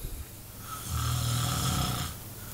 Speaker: He's got earmuffs on, earplugs in, because he says I snore.